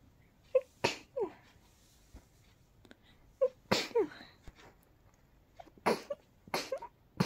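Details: A run of about five very rapid, sharp, tickly sneezes, some preceded by a short catch of breath; ordinary sneezing.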